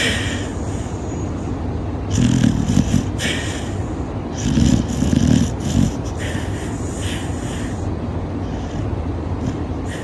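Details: A sleeping dog snoring, with soft snuffling snores repeating every couple of seconds over a steady background hum.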